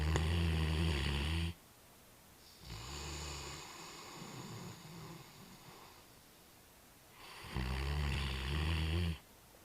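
Loud, deep, rumbling snores on each breath in, with softer noisy breaths out between them. Large dog snoring.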